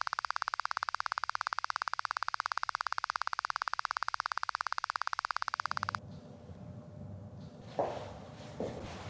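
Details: Auditory brainstem response test in a Thai ear clinic, sound switched to the left ear, at 90 dB: rapid evenly spaced clicks, about three per second, stop abruptly, leaving quiet room noise and rustling.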